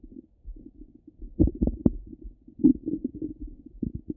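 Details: Ordinary active bowel sounds through a stethoscope on the belly: irregular gurgles and low bubbling rumbles, a normal stomach rumble.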